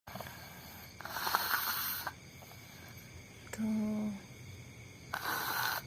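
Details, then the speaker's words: A sleeping cat, which always sleeps with its eyes open, snoring with noisy, rasping breaths and one short tonal snort between them. "Jadi Miko itu kalau tidur pasti kayak gitu, matanya melek. Ngorok ngorok lagi."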